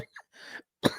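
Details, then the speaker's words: A single sharp adult cough follows faint breathy sounds in a small room, heard during a live talk; the speaker says not to worry about the coughing. "You'll hear the coughing. Don't worry. Everything is okay and going to plan."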